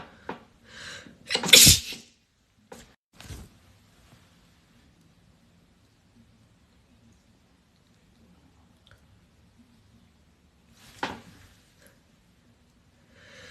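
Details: A loud sneeze with a sharp inhaled lead-in, then a smaller burst and a second sneeze later, with faint music in the background.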